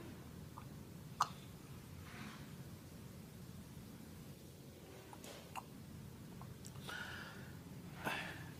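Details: Faint, abrupt short catches of breath at irregular intervals over room noise; a person with hiccups.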